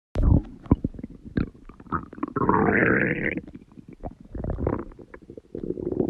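Gurgling, rumbling stomach noises with a longer drawn-out growl, ordinary bowel sounds.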